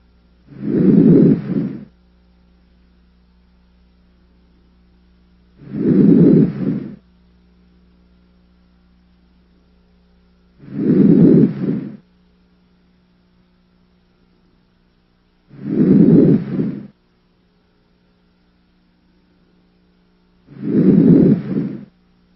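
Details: Five soft, regular rushing breaths with quiet pauses, heard by stethoscope over the chest of a healthy patient breathing deeply through the mouth: normal breath sounds.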